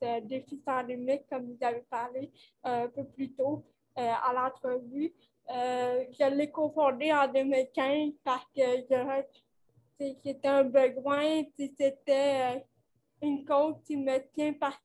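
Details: 29-year-old woman with cerebral palsy caused by lack of oxygen at birth, who appears to mention speech difficulties, speaking French; dysarthria associated with cerebral palsy.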